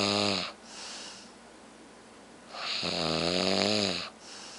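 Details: Man snoring heavily during sleep: loud, rough, buzzing snores on each in-breath, with quieter hissing breaths between.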